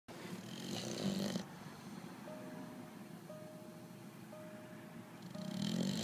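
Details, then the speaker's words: Mastiff dog snoring while awake: deep, rumbling snorts on each in-breath, with a steady beeping tone in the background; snoring-like noisy breathing. "Are you sleeping? Talk to me. Bill, are you awake? Are you sleeping? Cuz you're snoring."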